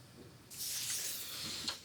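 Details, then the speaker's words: Manual blood pressure cuff deflating with a steady air hiss, measured the old-fashioned way at a GP visit because the automatic monitor was playing up; the patient has fine crackles all over the chest, and his pressure is up a bit. "let me check your blood pressure it's really playing up today i don't know why let me do it the old-fashioned way"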